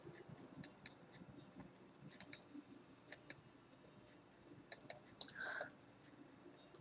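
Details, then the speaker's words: Teeth grinding (bruxism) in a person with seizures who grinds during and after seizures and is trying to stop: rapid, repeated gritty scraping and clicking of teeth in a quiet room. "have to stop grinding my teeth. I'm gonna try and stop grinding my teeth."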